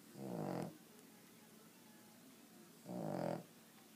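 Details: A sleeping animal that snores all night, getting louder, gives two rough, low, rattling snores a couple of seconds apart with quiet between them.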